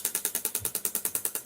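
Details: Rapid, regular clicking pulses, about ten a second, from a shockwave therapy handpiece placed on the skin, delivering acoustic shock waves through the tissue.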